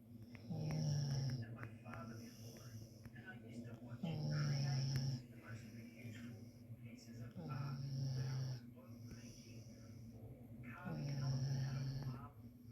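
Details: Sleeping dog: loud, rhythmic low rattling snores on each in-breath with softer out-breaths, about 17 breaths a minute; snoring said to be louder than a human's.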